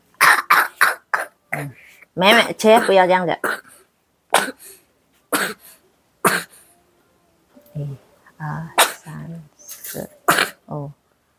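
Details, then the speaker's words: Repeated short dry coughs in bursts, some with voiced throat sounds, from a young kindergarten-age child with a lingering cough and cold who is now fairly recovered; cough. "Ini si biarpun dikit masih dikit batuk sih batuk sama pilek tapi udah lumayan sehat lah"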